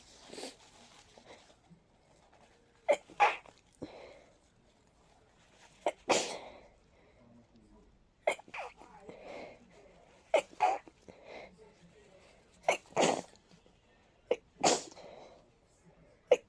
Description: I had a stuffy and sensitive nose (as I always get during colds) and I felt very sneezy, so I decided to record for a bit. But little did I know my regular sickly sneezes will turn to this massive rapid fit!